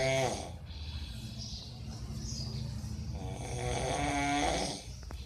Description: MAN IN MORNING SLEEP LOUD SNORING